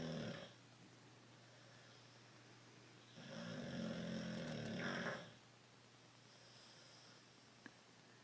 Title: SNORING!!